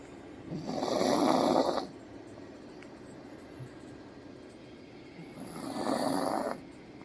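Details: Dog snoring very loudly: two loud, rasping snores about five seconds apart, each over a second long, with quiet breathing between; snoring.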